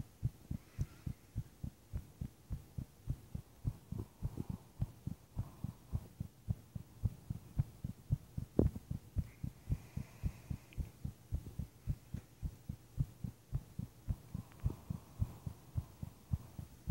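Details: Adult's own heartbeat recorded while lying in bed at night, heart unusually pounding for unknown reason: strong, steady, heavy low thumps with a faint hum behind; pounding heartbeat.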